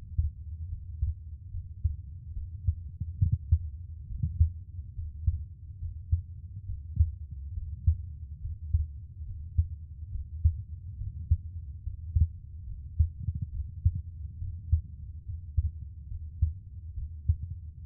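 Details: Adult man's own resting heartbeat recorded for ASMR relaxation: soft, regular low thumps at about 70 beats a minute, normal rhythm.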